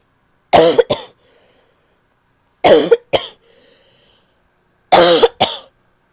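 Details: Female with an annoying barking cough: three bouts of harsh, barking double coughs, each followed by a faint wheezy breath in.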